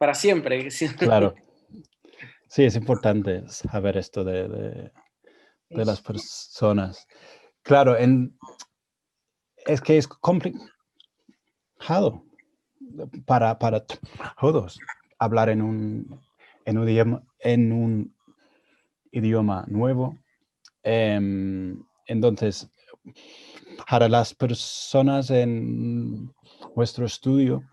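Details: Adult man with real stuttering speaking Spanish, his second language, learned after moving to Spain at 22; he reports his stuttering was more severe in Spanish while learning it; stuttering.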